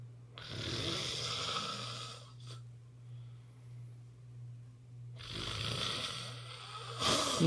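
Loud, harsh, rattling breath sounds with a quiet pause between them and a steady low hum behind; snoring.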